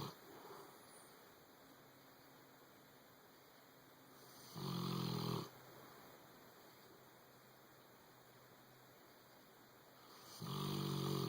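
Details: Boxer dog asleep in bed snoring: two loud, drawn-out rattling snores about six seconds apart with steady room hum between.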